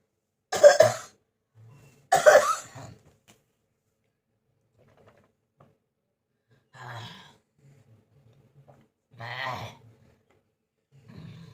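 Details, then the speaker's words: Two loud harsh coughs, then quieter throat-clearing coughs after a pause; persistent cough of many days' duration, on medication, attributed by the person to hot-cold weather changes; also reports burning sensation in the back. "देखो फ्रेंड्स कितना काशी हो रही है मेरा गॉड।"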